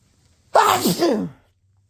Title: huge pepper sneezes.